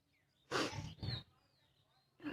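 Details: Barking cough from a female: harsh, loud, low-pitched cough bursts in quick succession, two with a third starting at the end.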